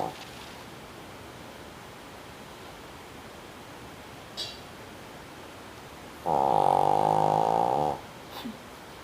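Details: Pug snoring: a single loud, buzzing, rumbling snore lasting under two seconds against a quiet background, likened to a motorcycle.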